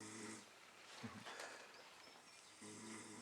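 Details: A man passed out asleep in a hot hotel room around 5 a.m. gives two low, rumbling snores separated by a quiet gap, with some room noise: snoring.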